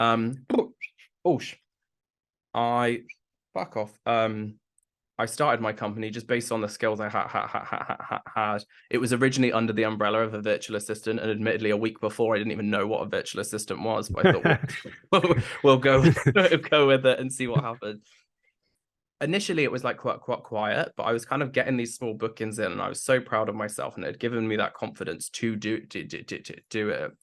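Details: Adult man with Tourette syndrome, the less socially accepted form, onset in his mid-20s after brain damage; complex tics worsen with nervousness or heightened emotion; has a stammer that was worse in the past; Tourette syndrome with vocal tics and stammer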